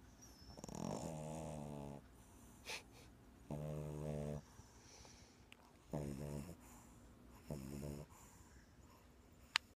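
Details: Bulldog puppy snoring while asleep: four rough, buzzing snore bursts with quiet breathing between them.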